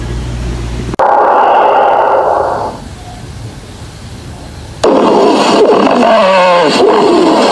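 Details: Lung sounds with wheezes heard through the stethoscope diaphragm on the back of a seated patient during pulmonary auscultation.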